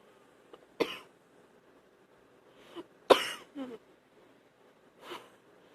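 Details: Several separate loose, rattly coughs bringing up phlegm; a productive wet cough, the person feeling like drowning in phlegm.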